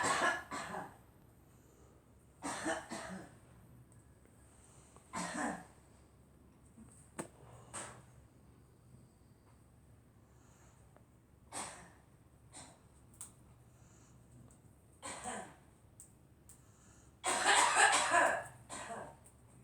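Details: Girl coughing in short, separate bursts spread over about twenty seconds, with one louder, longer cough near the end.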